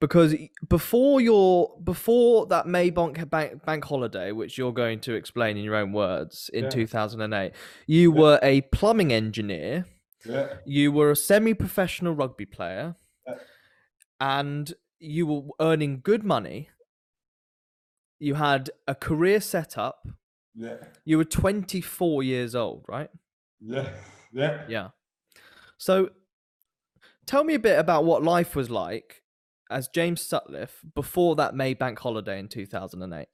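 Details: Adult male interviewer; Plain speech.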